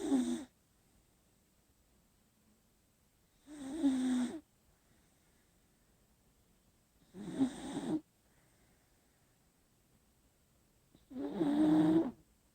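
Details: Sleeping beagle snoring: four short, rough rattling breaths, each followed by a long quiet pause, about five breaths per minute; dog snoring.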